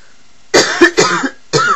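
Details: Adult woman who has been unwell for two days and is losing her voice gives a short run of three to four harsh, loose-sounding coughs in a quiet room: cough.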